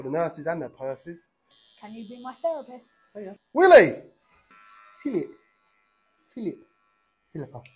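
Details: Barber with Tourette syndrome with vocal tics, speaking while cutting the hair of a client who also has Tourette syndrome; Tourette syndrome vocal tics.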